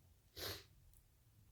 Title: Sneezing I really need a tissue